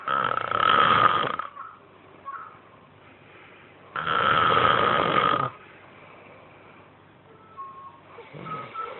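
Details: Person heavily snoring, with a children's TV show (Elmo) audible in the background: loud, harsh, rasping snores about every four seconds with quieter breathing between.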